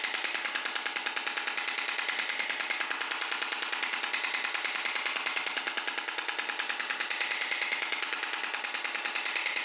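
Rapid, very regular hammering clicks, about 146 a minute, over a hissing background; a shock wave therapy device delivering pulses.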